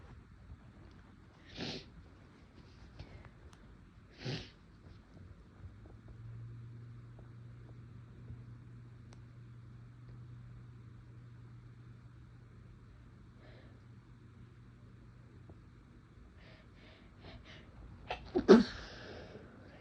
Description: some induced sneezes, my nose felt a little tickly, had to try to stifle a little at one point but it didnt work out the best